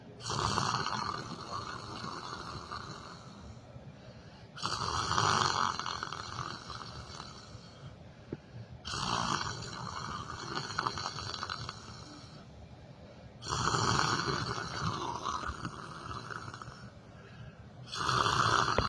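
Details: Person sleeping sitting in a chair: loud, rough snores with each breath in, about five in nineteen seconds, each several seconds long, with quieter gaps between; snoring.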